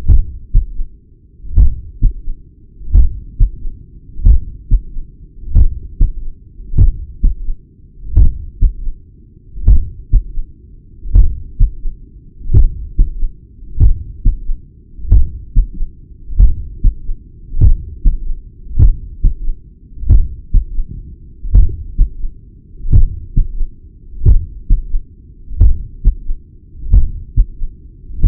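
Regular, slow heartbeat at the apex with a low extra sound after the second beat and a murmur.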